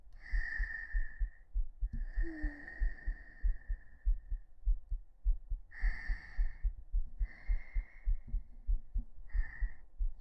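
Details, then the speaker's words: Heartbeat recorded on a 3Dio binaural microphone held against the chest during a hug-style ASMR session; the person notes the pulse is slightly fast. Steady, regular, low thumping with soft hissing; normal heart sounds. "聞こえるかな？やっぱちょっと早いかな。心臓入りました。"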